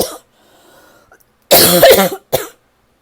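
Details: Harsh, forceful, dry, tickly cough bursts after a brief cough fragment, from a person with an ongoing cough that they feel is finally starting to get a little better.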